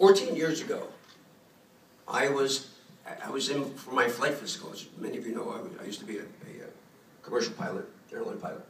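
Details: Adult male throat cancer survivor, diagnosed about 14 years earlier after a neck lump was found; dysphonia after throat cancer.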